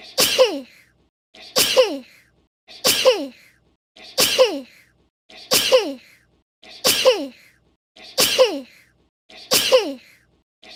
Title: Cute Sneezes